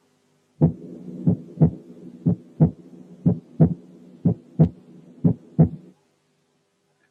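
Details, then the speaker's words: Normal person: regular lub-dub heart sounds at about 60/min with the second heart sound louder than the first, normal intensity of S2. "في الشخص الطبيعي السكند ساوند بتكون الانتنسيتي بتاعته اعلى من الفيرست، زي كده."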